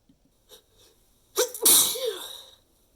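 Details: Sneezing while sick: a couple of soft breaths, then a sharp inhale and one loud, hissing sneeze fading out; a single sneeze.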